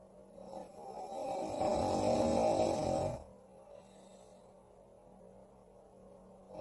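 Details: Cartoon character Mike snoring loudly in his sleep while another character records him: one long, rough, rattling snore lasting about three seconds, then quiet room noise.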